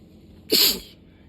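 A single sharp, hissing sneeze burst lasting about half a second, with quiet before and after.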